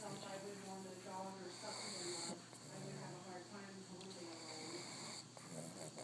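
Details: Female pug snoring while napping: repeated nasal, whistling snores with each breath, fairly steady, faint room noise.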